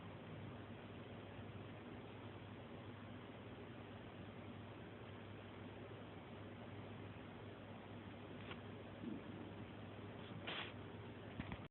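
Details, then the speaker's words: Tinnitus masking noise played through a hearing aid: steady, even hiss with a low hum. "See, this noise is good for my tinnitus, you know."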